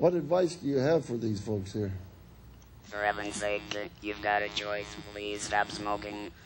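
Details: Adult woman after laryngectomy, followed by radiation and chemotherapy, speaking with an electrolarynx, a battery device held against the throat; electrolarynx speech.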